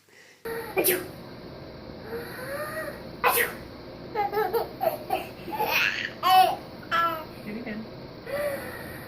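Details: Adult sneezes, possibly fake or real, each followed by bursts of delighted infant laughter and squeals amid household noise; sneezing.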